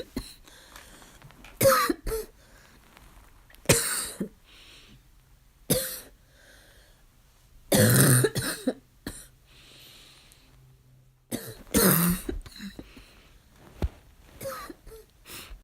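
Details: Child's coughing fit of harsh barking coughs separated by quiet pauses, still barking.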